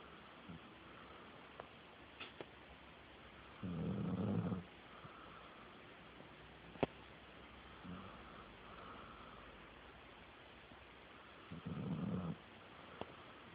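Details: Low rumbling snores on two breaths about eight seconds apart, with quiet breathing between, from a sleeping dog; snoring.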